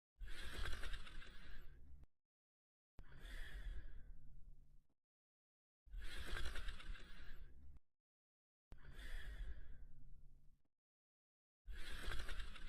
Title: Slinky Dog Sleeping & Snoring